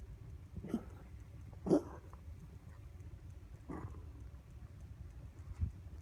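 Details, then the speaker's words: Cat with feline asthma in a severe coughing episode, shortly after a vet visit with X-rays and blood work: four short, dry hacking coughs spaced over several seconds, sounding almost like vomiting at the end. "this week though he started coughing very very very bad we actually have a video of it um it's kind of upsetting it almost sounds like he's going to vomit at the end he doesn't"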